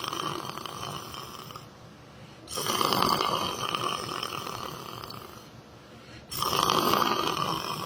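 Two loud, rough, rattling breaths drawn in about four seconds apart, with quieter breathing out between them: snoring.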